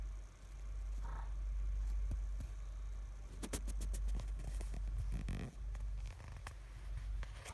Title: my grandma snoring